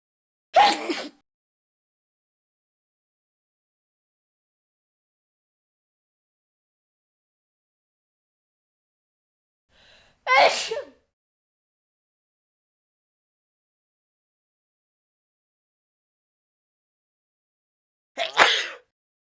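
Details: Simulated sneezes imagined for animated characters, mostly stock sound effects: three short, sharp sneeze-like bursts separated by long silences.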